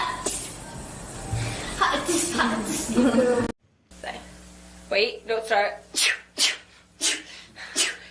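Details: Girls sneezing: several quick sneezes in a row, including three in rapid succession, with music and chatter at the start; rapid repeated sneezing.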